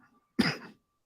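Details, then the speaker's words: Adult man who says he has been coughing persistently but feels okay: one short, sharp cough rising abruptly and tailing off over about half a second. "and I know you're still I'm still coughing too so get ready it's going to be it's gonna be all night long I'm going to be muting and coughing and yeah"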